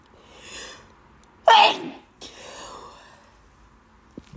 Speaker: Allergies really bad. I have to blow up nose.